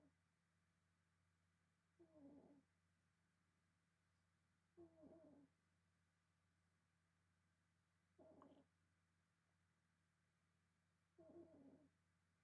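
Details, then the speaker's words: Snoring in a sleeping cat: four short, whistly, nasal snores about every three seconds, roughly 20 breaths a minute, over a steady low room hum; owner unsure whether dreaming or breathing with difficulty. "I don't know if you can hear that yeah cat snoring behind me very loudly she's either having a really good dream or she's having a hard time"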